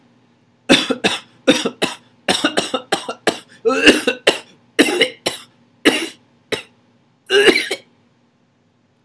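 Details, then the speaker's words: Imitated paroxysmal cough of pertussis, described as an emetizing cough that can provoke vomiting and hinder breathing. "la emesis por tanto estar cociendo en algunos libros les gusta manejar ese término como una tos emmet y zante o sea una tos que favorece que uno quiera vomitar"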